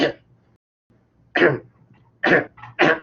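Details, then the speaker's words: Imitated dry, hacking cough in short bursts, demonstrating the ACE cough, a side effect of ACE inhibitors in patients on cardiac medication. "if they have a dry hacking cough that sounds like this"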